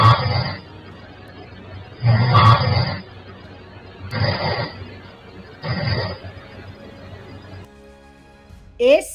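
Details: Adult patient's snoring, recorded overnight by a home snoring monitor before oral-appliance treatment, who snored 155 of 370 minutes slept (41%): three rough, low rumbling snores about 1.5 seconds apart over steady hiss.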